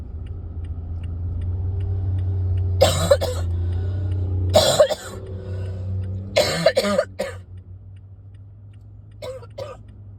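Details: About ten coughs in four short bouts of two to four coughs each, over a low engine-like hum, from someone who cannot shake a persistent cough; a repeated adult cough.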